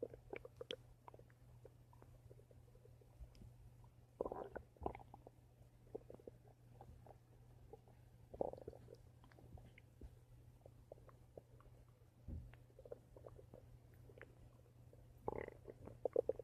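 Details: Bowel sounds (borborygmi) from the stomach: irregular gurgles and short rumbling bursts over a steady low background hum.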